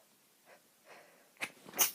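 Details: Woman's sneezing fit: two soft breaths in, then two sharp, hissing bursts of air close together, a quick pair of sneezes.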